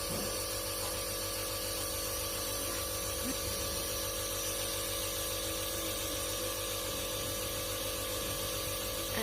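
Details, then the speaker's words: 3-month-old infant with about two weeks of cough and cold, coughing during the night, gets a second nebulizer treatment (given morning and evening): a steady, continuous mechanical buzz and hiss with no breaks. "Ade Alesa diuap lagi untuk yang kedua kalinya karena tadi malam dia batuk-batuk supaya nggak bisa tidur."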